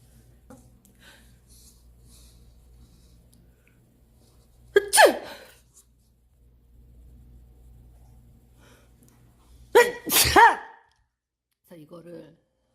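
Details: Two forceful sneezes from a person who says they often sneeze with a constantly dripping runny nose, each a sharp inward catch then an explosive burst, in a quiet room.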